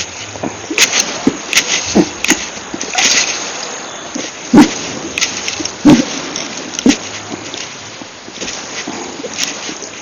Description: The Violent, Little More Loud, Silent, Minute Hiccups lasted 2 Hours and 28 Minutes for 6/16/19 after drinking 1 cup of soda after Dinner.